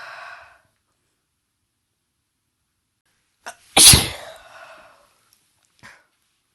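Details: Woman with a cold inducing sneezes, some partly stifled but mostly let out: a short breath in, then one sharp, forceful sneeze trailing off into a soft exhale.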